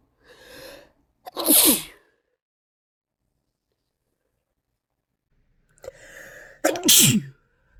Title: cold sneeze compilation (m)